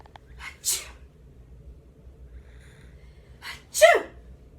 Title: Laughing at a sneeze